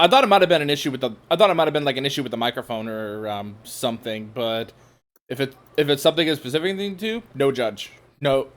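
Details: Adult man speaking; ordinary speech.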